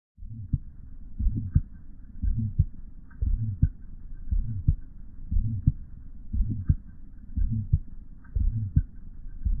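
Regular heartbeat near 58 a minute with a rumbling systolic murmur typical of a bicuspid aortic valve.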